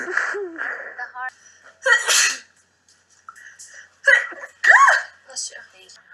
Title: Big Brother Sneeze Compilation